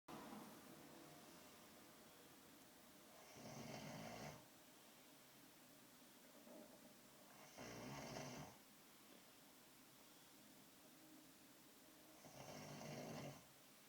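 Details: Snoring: three regular snores over about 14 seconds, roughly 13 a minute, against steady room hiss.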